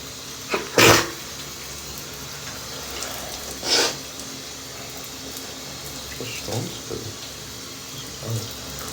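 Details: Adult male sneezing in the shower: two forceful sneezes over running water, followed by softer sniffs and snorts, possibly from allergies or a cold.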